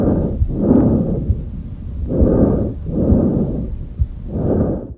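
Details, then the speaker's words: Bronchial breath sounds heard with stethoscope bell over the trachea as the patient breathes in and out, physiotherapy demonstration: loud, high-pitched, harsh blowing sounds in both inspiration and expiration with a pause between them. "bronchial breath sound is loud and high ped it is audible in inspiratory and expiratory phase there is a pose seen between inspiration and"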